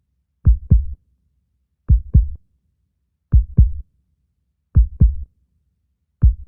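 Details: Regular paired low lub-dub thumps at about 42 beats a minute, clean with no background noise: a slow heartbeat.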